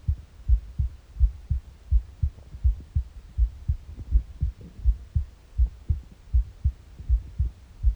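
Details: Morning heartbeat recorded on an empty stomach: steady, regular low thumping at about 80 beats a minute with faint rumbling stomach noises underneath; normal resting heart sounds.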